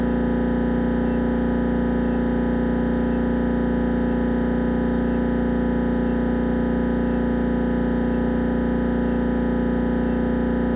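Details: Siemens Magnetom Avanto head scan; loud steady mechanical droning with rapid regular knocking at about 160 pulses a minute: MRI scanner gradient noise.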